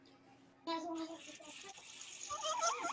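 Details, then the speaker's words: High-pitched crowing inspiratory stridor, with an expiratory phase also audible, from bilateral vocal cord paralysis, shown in a lecture on infant stridor. Finding: inspiratory stridor. "go and this is high-pitched infrastructure crowing strider of a bilateral chord paralysis and as you if you're listening closely there's also an expiratory phase"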